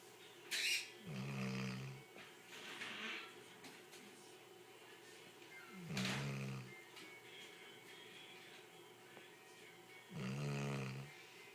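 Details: Three loud, rough, rattling breaths about every five seconds, roughly 13 a minute, over faint background music, while napping in an office; snoring.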